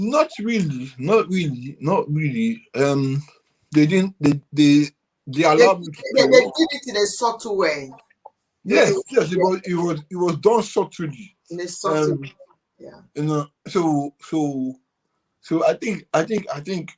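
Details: Adult man with cerebral palsy since birth, which he attributes to high bilirubin at birth and says affects movement and speech: dysarthria.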